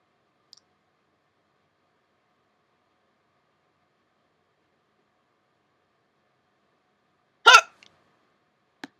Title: Hiccups 21